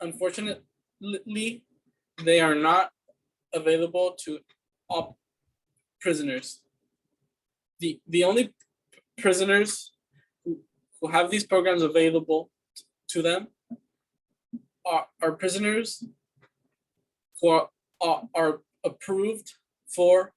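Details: Student answering interview questions in a fluency speech sample for a communication disorders class, with word repetitions, pauses and interjections; stuttering (disfluent speech).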